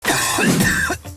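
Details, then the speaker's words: Acted cough from an adult, a single drawn-out harsh cough lasting about a second, introducing a persistent cough as a possible early sign of tuberculosis (TB). "Wah, batuk nih. Nah, jaga-jaga Indonesia itu merupakan peringkat kedua paling tinggi penyakit tuberkulosis."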